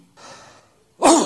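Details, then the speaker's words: Cough sounds characteristic of pharyngitis, laryngitis and tracheitis, presented as a library recording for comparison with coughs of asthma, COPD, pulmonary fibrosis, pulmonary edema and pneumonia. "सो हम सुनते हैं इस साउंड्स को भी और कैरेक्टराइज कीजिएगा asthma, COPD और pulmonary fibrosis, pulmonary oedema और निमोनिया में इन तीनों से किस तरह से वो साउंड्स बिल्कुल अलग है, फेरेंजाइटिस, लेरेंजाइटिस और ट्रेकियाटिस।"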